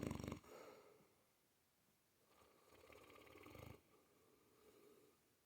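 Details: Female Mastiff snoring in sleep: soft, quiet snores and snuffling breaths, with one louder snort at the start.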